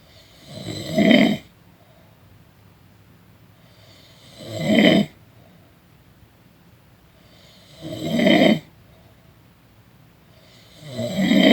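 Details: Person snoring during a nap: regular loud, rasping snores, about 16 a minute, in a quiet room; ordinary snoring.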